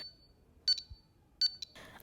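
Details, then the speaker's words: Pulse oximeter preventive maintenance test: low SpO2 alarm threshold set above the tester's own SpO2, triggering the desaturation alarm, two short bursts of high-pitched electronic beeps. "on va régler le seuil bas de la larme de SpO2 à une valeur supérieure à notre propre valeur de SpO2 et on vérifie le déclenchement de la larme de désaturation"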